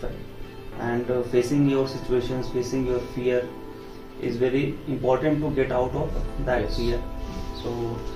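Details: Adult male speaker; typical speech.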